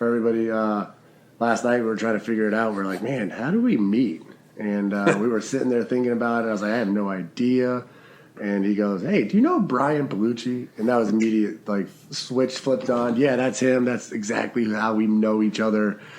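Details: Adult man; normal speech.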